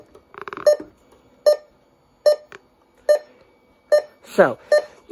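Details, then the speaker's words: Short electronic beeps from a Datex Ohmeda 3900P pulse oximeter, one per pulse at about 75 a minute; pitch shifts with oxygen saturation while the pulse volume (five settings) is adjusted. "this is how you adjust the pulse volume whereas uh what that's what beeps to your pulse so i'm like it goes up to five settings"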